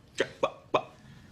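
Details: Actor portraying an adult man with Tourette syndrome during a teaching job interview: three abrupt short throaty yelps in quick succession, simple vocal tics.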